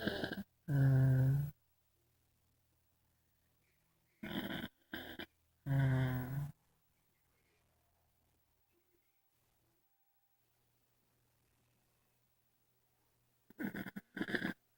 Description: my bf snoring and having a sleep apnea episode.